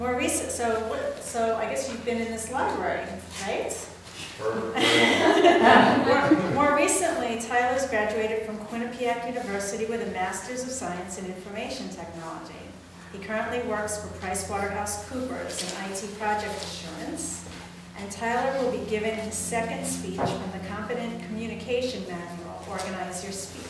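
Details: Adult woman speaking; normal fluent speech.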